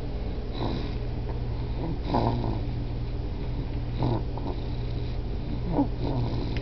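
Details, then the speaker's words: A child, the speaker's son, snoring while falling asleep after coming back from the beach: soft, low rumbling snores about every two seconds over a steady background hum; snoring. "te gustó qué ven está roncando el niño que"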